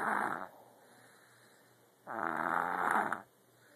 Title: snoring